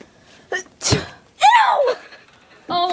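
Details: A simulated sneeze pranked on a cousin, spraying water rather than snot: a short in-breath, then a sharp burst like a single sneeze, with voices just after.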